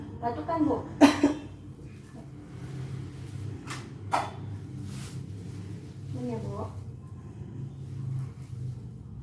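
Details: A woman patient, coached by a nursing student, takes a deep breath with closed lips then gives a few deliberate coughs to clear airway secretions, with faint room noise; effective cough demonstrated as a breathing exercise.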